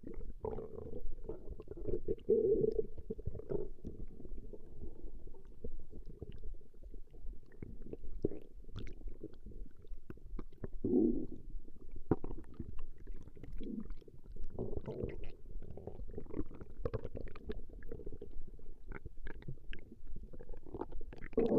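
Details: Woman's stomach growling (borborygmi), recorded for about 20 minutes: continuous low gurgling and rumbling with occasional louder bubbling surges.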